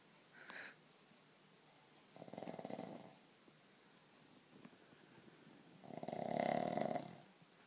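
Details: Sleeping dog snoring with rhythmic rattling snores and quiet pauses between breaths in a quiet room: snoring.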